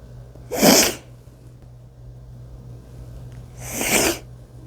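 Two sharp, explosive sneezes about three seconds apart, with a quiet room hum in between.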